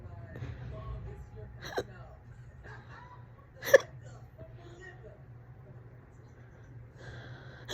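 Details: Fast, loud hiccups, on and off all day, current bout about 30 minutes: two or three abrupt, sharp gulping hiccups a couple of seconds apart over faint room hum.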